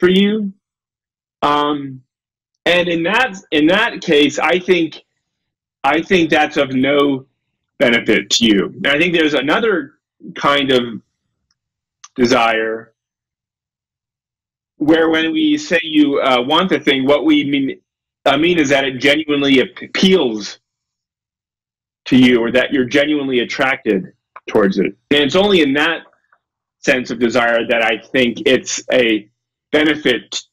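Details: Adult male lecturer who self-reports a speech impediment: he stutters and gets stuck on his words; stuttering.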